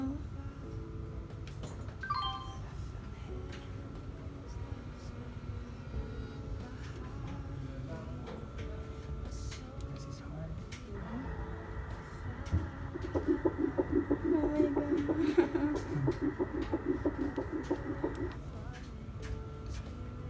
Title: 8 weeks fetal heartbeat (Touch the sky)